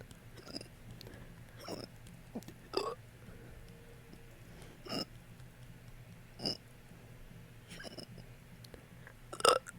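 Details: Repeated hiccups with burp-like release: about seven short, abrupt gulping bursts at roughly one-second intervals over quiet background hum.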